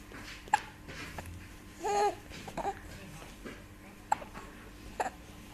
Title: Baby Giggles and Hiccup